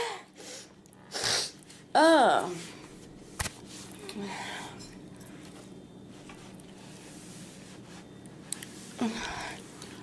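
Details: Girl sneezing, tagged allergies and sinuses: sharp inward breath then a burst of sneezing with voiced release, followed by quieter room noise.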